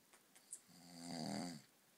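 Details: Adult man (dad) snoring after several beers: a few soft sounds, then one long, loud, buzzing snore on inhalation.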